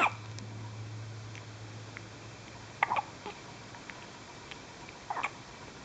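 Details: Soft, brief catching sounds every few seconds from a one-day-old newborn girl, over a low room hum; newborn hiccups.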